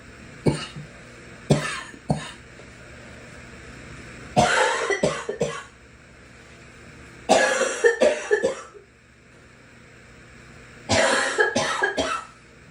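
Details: A girl coughs in short bursts, single coughs then clusters of two to three, about a dozen coughs in all.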